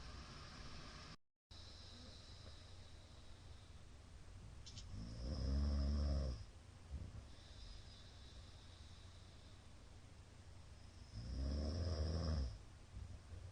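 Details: Middle-aged man's very loud snoring during sleep, recorded 17 April 2022: deep, rattling snores on in-breaths, about ten a minute, over steady background hum.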